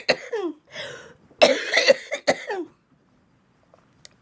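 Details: Run of about six to eight harsh, wet coughs with throat clearing, then quiet, from a woman with cystic fibrosis who receives IVs and does vest therapy; productive cystic fibrosis coughing fit.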